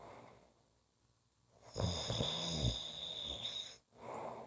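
A single rattling snore on a breath in, with a whistling edge, followed by a quieter breath.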